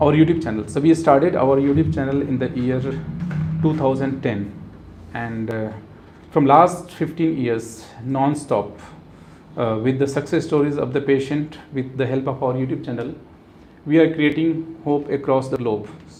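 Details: Adult male speaker; normal speech.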